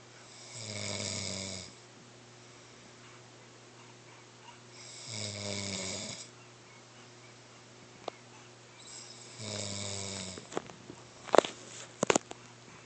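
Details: Three rasping snores about four seconds apart, then a few clicks and rustles at the end; ordinary snoring.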